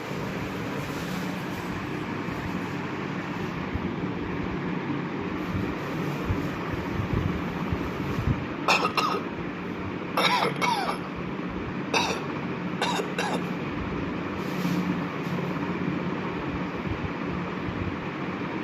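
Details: Several short, sharp, deliberate coughs over steady low rumbling background noise, recorded for an Arduino-based cough detection project for COVID-19; cough.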